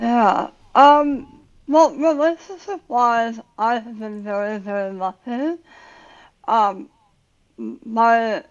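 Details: Adult woman about 9 years after tongue cancer surgery with tongue reconstruction using a leg flap, plus radiation; had to relearn talking, worse when tired, some words she cannot say; articulation difference after glossectomy.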